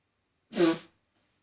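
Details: Woman with a persistent tickly cough who is still coughing: a single short, dry cough in a quiet room.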